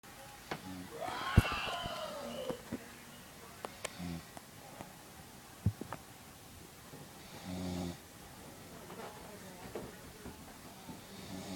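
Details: Mother asleep: a few low, rattling breath sounds spaced several seconds apart over quiet room noise and occasional clicks; snoring.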